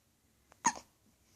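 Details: A young boy in the morning makes a single sharp, abrupt gulping catch of breath in a quiet room; hiccup.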